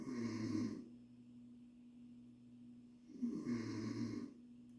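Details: Adult woman (mother) snoring at 1 a.m.: two loud, rough inspiratory snores several seconds apart, quiet breathing between, steady room hum; snoring.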